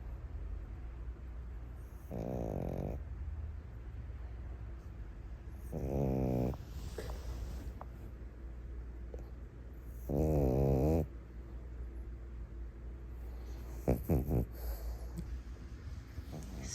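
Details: Sleeping dog: three soft, fluttering snores about four seconds apart over a low room hum, with a few clicks near the end; light snoring.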